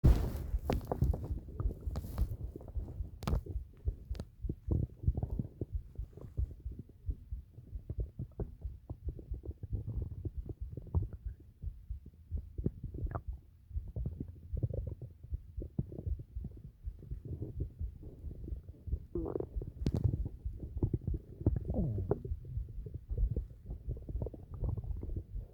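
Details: Old recording of an adult's stomach noises: low, irregular rumbling with scattered clicks and brief gurgles, bowel sounds (stomach rumbling).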